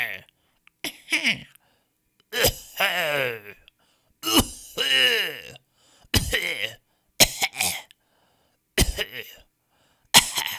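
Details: Audio resource of people coughing: about eight separate coughs and throat-clears in different styles, some harsh and drawn out, with silence between; cough.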